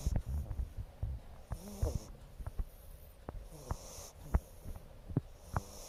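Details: Sleeping dog (tagged puppy) snorting: irregular low snorts and clicking nasal breath noises with soft rumbles while snoring in sleep.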